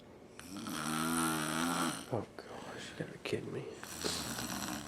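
A long, buzzing, whistly snore, then softer breathing noises and brief voices in the room. Snoring during sleep.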